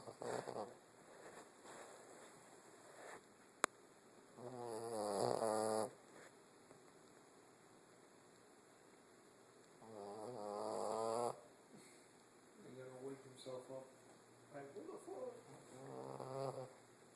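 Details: Ordinary snoring: rattling, fluttering snores on slow breaths about every five to six seconds, over a steady background hum.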